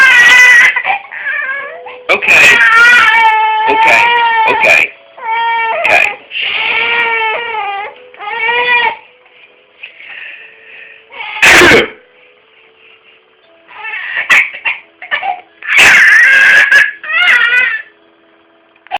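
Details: An infant cries in repeated wails and whimpers, upset after an adult sneezed, with brief adult soothing between cries.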